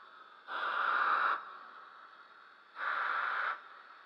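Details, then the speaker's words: Two bursts of rushing, blower-like airflow about two seconds apart, with quieter steady flow between them, from a homemade Arduino-controlled, quadcopter-motor breath-assist ventilator cycling; mechanical ventilator airflow cycles. "doctors explained that first mode is unusable if patient is not heavily sedated so in most cases breath assist is much more preferable which means device has to detect when patient is trying to breathing and push air into his lungs"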